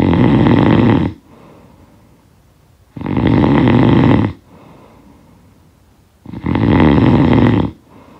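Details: Three loud, harsh, rattling snores about every three seconds with quieter breathing between; heavy snoring from a sound-effect recording.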